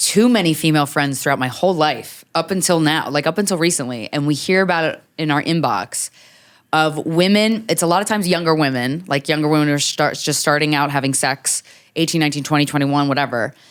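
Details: Adult woman speaking; typical speech.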